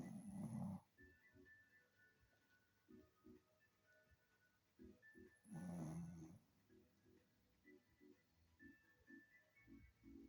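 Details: Two long, low rumbling snores about five seconds apart from a sleeping male dog, with soft music in the background; snoring.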